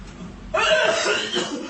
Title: Corona virus cough